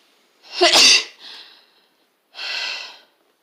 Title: Sneezes attack